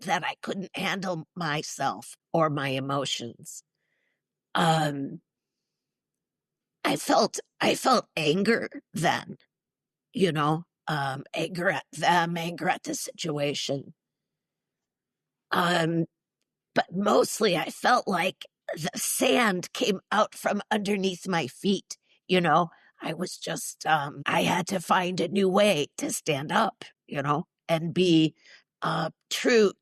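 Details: Woman in her mid-60s with neurological (basal ganglia) spasmodic dysphonia plus essential tremor, especially affecting vowels, treated with Botox injections to the vocal cords; spasmodic dysphonia.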